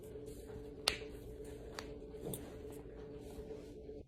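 A few sharp, quiet pops from cracking finger joints over a steady room hum; joint cavitation in someone with Ehlers-Danlos syndrome.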